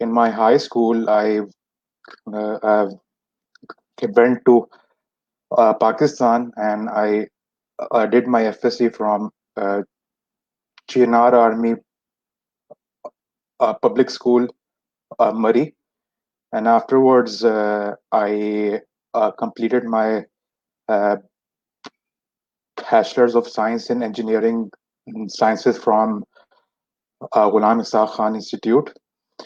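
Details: Stuttering in an adult man who has stammered since about age 4.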